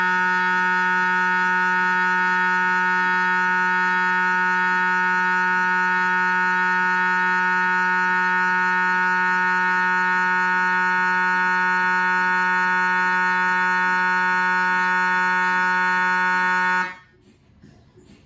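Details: MRI scanner noise recorded inside the scan room from GE Healthcare 1.5T or 3T systems: a loud, steady buzzing tone with rapid rhythmic pulsing at about 150 a minute, then an abrupt stop.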